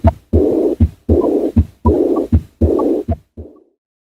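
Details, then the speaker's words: Aortic regurgitation: long, blowing early diastolic murmur after each second sound, best heard at the left sternal edge with breath held in expiration. Regular heartbeat near 80 a minute; no associated mitral stenosis. "it is a early diastolic murmur which is best heard at the left sternal edge"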